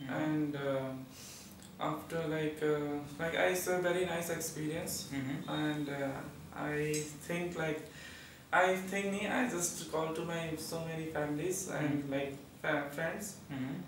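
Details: Young man after puberphonia (feminine voice in males) therapy completed within 8 days; normal adult male voice after puberphonia therapy.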